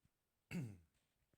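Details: A single short, low cough or throat-clearing burst in a quiet room, from an adult narrating a screen recording who apologizes for coughing.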